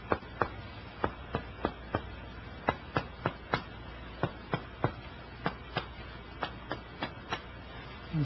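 A series of about twenty sharp finger-percussion taps on the chest, shifting from resonant over the lung to dull at the diaphragm; a normal finding.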